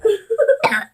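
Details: Short sung notes end in a single harsh cough burst at the end of singing; cough.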